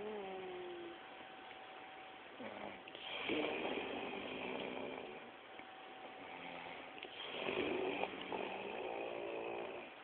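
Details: Two people snoring together: long, rasping breaths with fluttering, tonal parts from two overlapping sources, on a muffled, low-quality recording; snoring during sleep.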